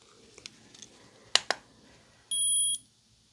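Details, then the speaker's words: Infrared thermometer run across the forehead to the ear in a simulated ASMR head-to-toe exam: soft clicks, then one half-second high beep; after a low 88.8 thought a malfunction, a recheck gave 98.5. "going to check the temperature so I'll just run this across the forehead to the ear 88.8 it's a little on the low side"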